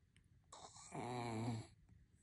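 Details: Miniature schnauzer snoring while resting and feeling good.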